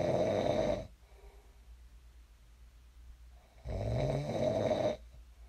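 Two loud, rough snores separated by a quiet pause, heard during sleep.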